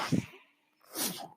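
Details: Mechanical ventilator of a man speaking while ventilated: two short puffs of air separated by a brief silence, the ventilator's rhythmic cycling.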